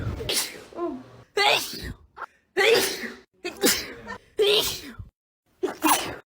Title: sneezing compilation 8